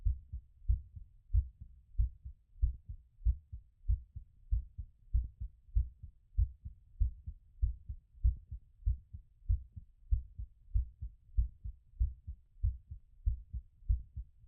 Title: Post exercise recovery auscultation